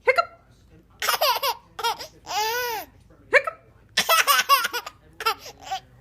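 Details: Hiccups in a 6-month-old baby girl.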